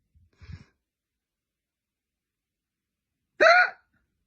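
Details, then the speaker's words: A faint low hiccup, then a few seconds later a loud, sharp, painful voiced hiccup in a quiet room. "oh why do I hiccup like this it hurts so much cuz you had operation nobody else hiccups like"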